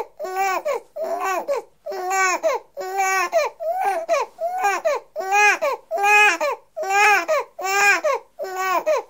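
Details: A six-week-old baby boy, recorded in 1984, cries rhythmically and high-pitched in repeated bursts of about one a second, with short breaths between; ordinary infant crying.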